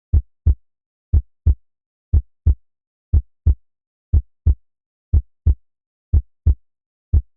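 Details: Synthetic heartbeat sound effect, not a real recording: clean, regular paired thumps at about 60 beats per minute.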